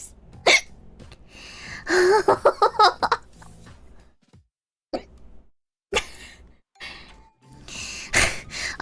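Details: Streamer with hiccups: four abrupt, sharp hiccups over about nine seconds, with brief vocal sounds and faint background noise between them.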